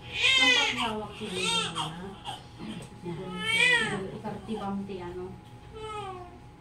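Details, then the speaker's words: Newborn baby girl, about 2.5 kg, born at 2:07 by normal full-term vaginal delivery: loud, high-pitched rising and falling wails with vigorous repeated cries and brief breaths between; a healthy newborn cry. "karaos na siya Congrats si girl Iyak ng iyak parang sinusuntok ay 2.5 kil si baby"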